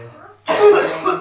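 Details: Adult with a persistent cough, plus dizziness and back pain radiating to the chest, recorded during a ruqyah session: one harsh, rough cough or throat-clearing burst.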